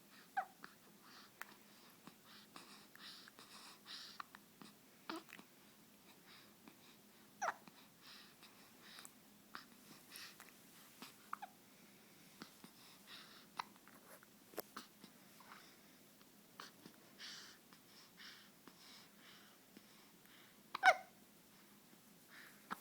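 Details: Baby hiccups: soft, brief catching sounds repeating at irregular intervals in a quiet room.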